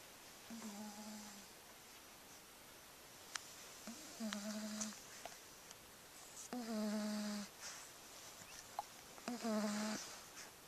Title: Who is snoring?